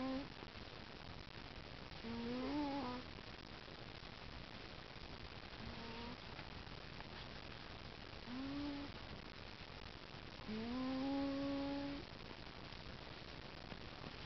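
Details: Sleeping cat snoring with soft, whistling, tonal sounds on each breath, about 17 breaths a minute; snoring.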